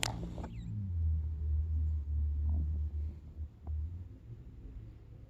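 Deep, low, vibrating rumble drawn out over several seconds, with short breaks, fitting a heavy snore.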